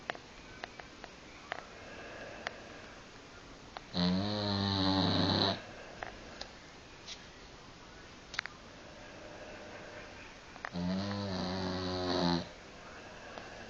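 Two long, loud, rattling inhaled snores about six seconds apart, with quiet breathing between; a dog snoring in a quiet room.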